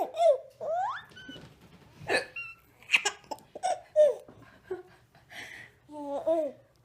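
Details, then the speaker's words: Baby laughing hysterically while hiccupping during nursing; sharp, sudden ordinary hiccups scattered among squealing belly laughs, with music; hiccups. "he's laughing at me while the hiccup so he's nursing"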